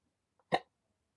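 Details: A single sharp, abrupt hiccup while talking, in a quiet room with faint music around it.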